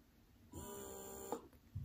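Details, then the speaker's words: Wearable hands-free electric breast pump running off the body in let-down mode turned up to stronger suction: a steady motor hum with a high whine for about a second, ending in a brief clunk. "so i'm going to press the let down feature and i'm going to turn it up you can see the different lights here and that increases how hard it's going to pull that milk out"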